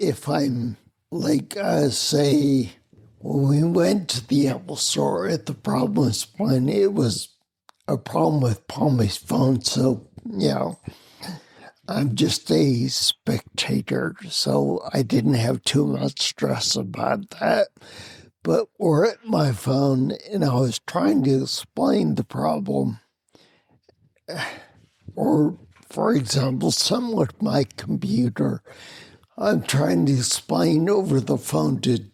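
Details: Adult man with spinocerebellar ataxia of unknown cause, slurred speech since around 1999, difficulty being understood on the phone; ataxic dysarthria.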